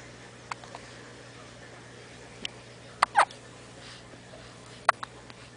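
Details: Infant's hiccups: brief sharp catches at irregular intervals, about five or six in a few seconds, over quiet room hum.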